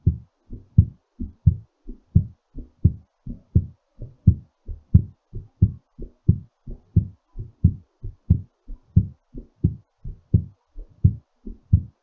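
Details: Strong, quick paired heart thumps at about 88 beats a minute, settling during recovery; heartbeat after exercise.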